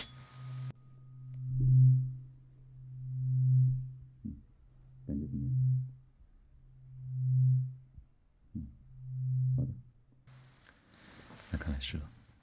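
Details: Role-played ENT ear exam (not a real doctor) checking ear fullness, one ear covered at a time: repeated low humming tuning fork tones swelling and fading, each followed by soft taps.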